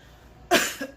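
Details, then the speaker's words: A single sharp cough then a short throat-clearing, part of a run of repeated coughing from a girl, a non-smoker, who has coughed all morning, feels burning and coughs on breathing in. "So, I've had this cough to all morning and just"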